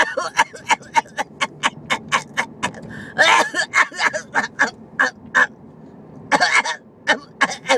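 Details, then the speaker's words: Adult woman with pneumonia coughing: rapid runs of short, harsh coughs with strained breaths between bursts, so severe she could barely breathe. "was coughing and I was so sick."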